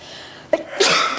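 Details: Acted sneeze in a television scene, character attributing it to allergies (wool rug, cat, perfume): single sharp sneeze, a short inward catch followed by an explosive burst.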